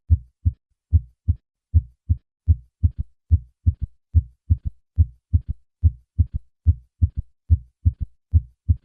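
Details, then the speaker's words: Third heart sound (S3): regular heartbeat about 70/min, with a soft, low early-diastolic thump just after S2, added after three normal beats. Best heard with the bell at the cardiac apex in left lateral position; over age 40 it usually indicates decreased left ventricular function. "A third heart sound may also occur as a normal finding in young adults. Patients over 40 who have a third heart sound usually have a decreased ejection fraction."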